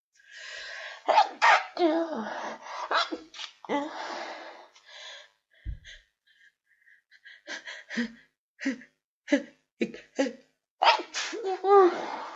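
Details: Person with a cold: repeated explosive wet sneezes with gasping build-ups between them.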